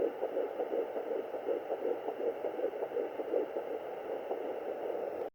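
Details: Fetal Doppler at 10 weeks 6 days of pregnancy: fast, soft whooshing pulses over steady hiss, fetal heartbeat at about 160 beats a minute.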